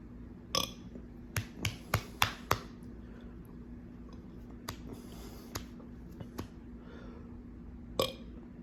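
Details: A rapid run of short, sharp burps, then quieter ones spaced out afterward, following a quick chug of a drink; ordinary belching.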